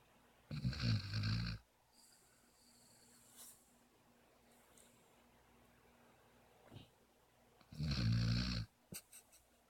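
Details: Sleeping puppy: two deep, rumbling, buzzing snores about seven seconds apart, with soft quiet breathing between; puppy snoring.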